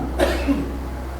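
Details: Single short, rough cough burst from an adult man, with steady low room hum in the background, during an ongoing cough illness.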